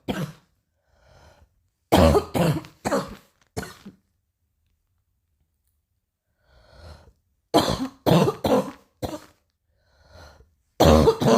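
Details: Coughing a little: about ten short, dry coughs in clusters of three to four, with quiet breaths between, in a small room; cough.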